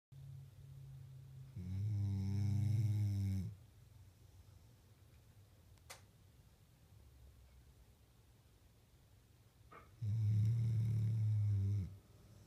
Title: Peaches snoring